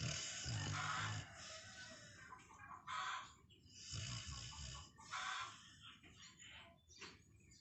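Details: Sleeping dog with irregular, rough, grunting snores, snorting breaths in and hissing breaths out; loud snoring.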